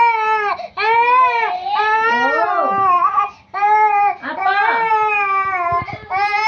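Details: Loud, sustained infant crying in long wailing bursts with brief gasping pauses during traditional baby massage; vigorous crying.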